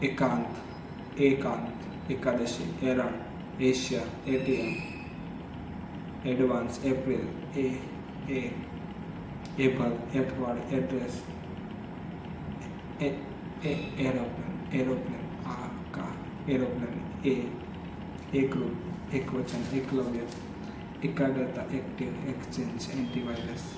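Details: Adult man who stutters, on day 30 of daily stuttering practice (breathing, tongue exercises, tongue twisters, storytelling); stuttering.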